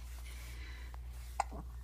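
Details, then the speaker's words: Baby with a tough case of the hiccups, moving a lot. "oh man you have a tough case of the hiccups you have a tough case of the hiccups"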